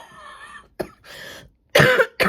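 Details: Short run of harsh coughs with throat clearing, separated by brief pauses; an ordinary coughing spell from an adult teacher mid-lesson.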